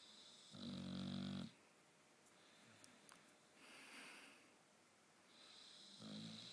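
Sleeping dog snores with a low rumble on each breath in and softer airy breaths out, in a quiet room.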